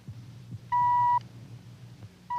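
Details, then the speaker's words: Audiometer pure-tone hearing test on an adult man with hearing loss in a 1950s medical drama: steady half-second beeps over room hum, probing the middle ear. "The electronic tone of the audiometer probes the depths of the passageway for sound."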